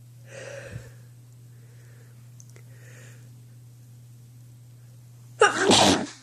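Soft breathy intakes, then one sharp explosive sneeze at the end, over a steady low hum.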